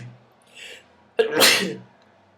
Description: Making myself sneeze